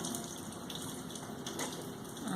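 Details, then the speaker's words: Steady hissing water spray: a 10-second rinse of etchant from a mannequin tooth during a dental sealant placement demo, with cotton-roll isolation. "Okay, so now I'm going to go rinse again. Rinse for 10 seconds."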